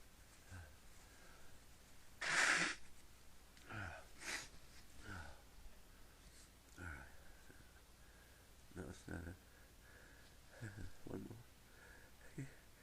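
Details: One sharp burst followed by several muffled, held-back sneezes and snorting breaths, sneezer trying to keep it quiet and unable to stop; a bout of stifled sneezing.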